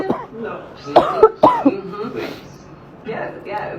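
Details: A 32-year-old woman, ten days into an upper respiratory infection and on antibiotics and steroid, gives two harsh, barking cough bursts with a wet, congested edge; it brings up only clear mucus, if anything, and there is no fever.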